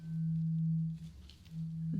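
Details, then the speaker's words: Tuning fork tone in a simulated ASMR ear exam, demonstrated before a hearing test on both ears: a steady pure low hum that briefly dips and returns. "I have a tuning fork. And I'm going to be using a tuning fork on both of your ears."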